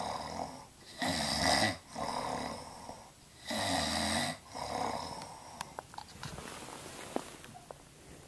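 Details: Snoring during sleep, recorded with a Flip Video camera: repeated rough, fluttering breath sounds in a slow rhythm, fading toward the end.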